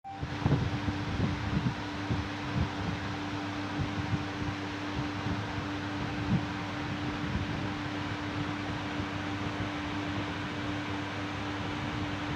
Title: DR Ravi Kumar Roy, Sothgama, Fiver,Cough, Oxygen, plus Monitor, Nebuliser Compressor Machine.